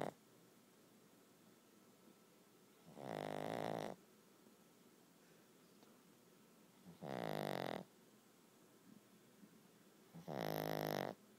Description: Video is too dark, but listen to Waldo snoring